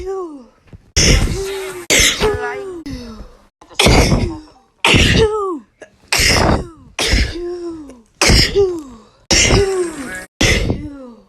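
About ten loud explosive sneezes in a row, most with a voiced gasp or cry trailing off after each burst.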